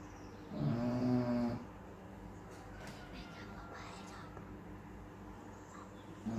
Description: This lazy lump of a bulldog just snores pretty much all the time even when she’s awake lol